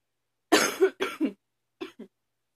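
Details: A person with increasingly frequent allergies coughs again: a burst of four or five short, dry coughs in two groups, with quiet between them.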